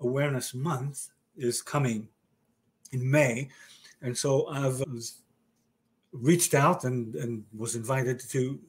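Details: Male stroke survivor with aphasia following a stroke about 30 years ago, with word-finding difficulty in conversational speech; aphasia.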